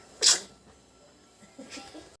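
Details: Baby girl sneezing while talking with her father: a single sharp, high, hissing burst, then soft baby sounds.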